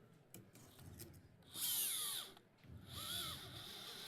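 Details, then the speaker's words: Surgical power drill with a 4.3 drill bit during Femoral Neck System fixation of a femoral neck fracture on a practice model: two short bursts of high-pitched whining, rising and falling in pitch. "that's a 4.32 a little bit that's the same drill bit as you use old for the locking screw in the shaft"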